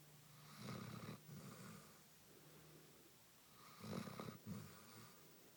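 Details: A Basset Hound sound asleep gives two soft, fluttering snores, each with an in and out breath, in a quiet room; snoring.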